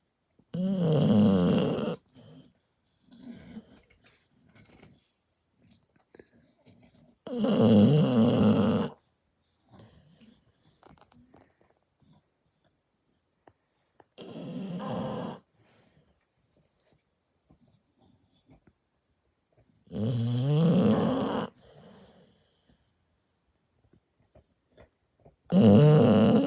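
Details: Sleeping American Bully pocket puppy snoring loudly and rhythmically, with rattling snores about every six seconds and quiet pauses between.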